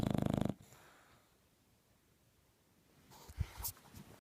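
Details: Bulldog snoring: a loud, rattling, vibrating snore, then near silence and soft snuffling sounds.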